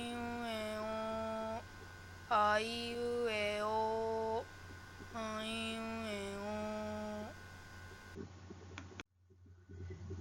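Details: Imitated hypernasal speech contrasted with normal oral vowels, demonstrated during endoscopic examination; velopharyngeal port closed in normal speech and wide open in hypernasal speech.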